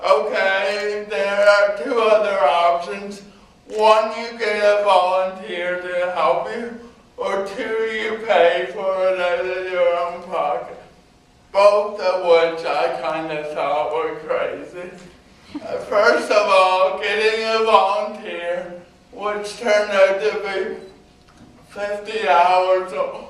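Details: Male university speaker with cerebral palsy who needs a scribe for coursework; dysarthric speech in cerebral palsy.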